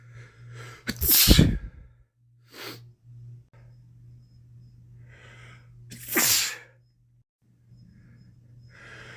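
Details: Adult male during a week-long common cold, sneezing several times in a row: two forceful sneezes with breathy intakes and sniffles between them; sneezing.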